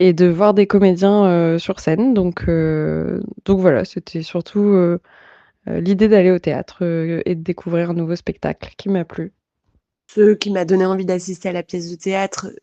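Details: Adult woman speaking French; fluent speech.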